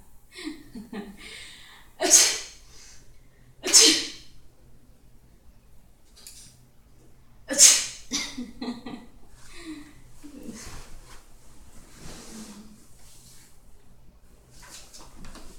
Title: A person is lying on the couch and begins laughing and sneezing